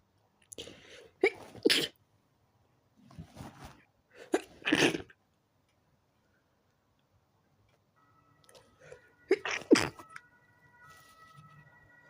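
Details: Person trying to sleep at night with a sensitive nose: clustered bursts of about six sneezes with quiet pauses between and a faint tone late on; sneezing.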